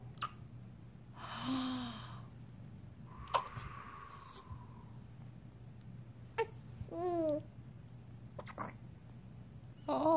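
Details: Sharp, abrupt clicking catches about four times over ten seconds, with soft whimpers between, from a child whose tummy also grumbled: hiccups.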